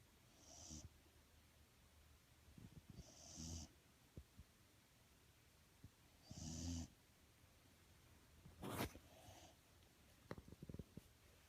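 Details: Snoring in a sleeping pet: quiet, regular snoring breaths with a soft whistling edge, roughly every three seconds, about 20 breaths a minute.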